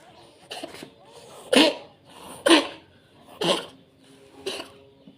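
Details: Orange cat coughing repeatedly; the owner suspects cold, rainy weather is the cause: five short, sharp, hacking bursts about a second apart, with quiet gaps between.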